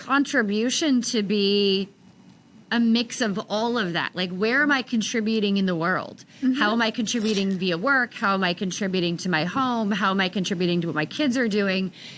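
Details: Adult woman speaking; ordinary speech.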